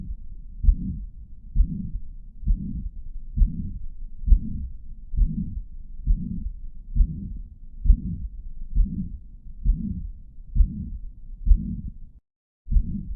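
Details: Heart sounds teaching clip: regular heartbeat near 67 a minute with a steady blowing murmur filling the space between beats; mitral regurgitation murmur.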